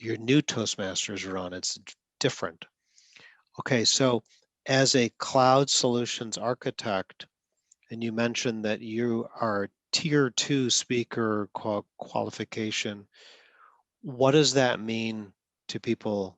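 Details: Adult male speaker; normal conversational speech.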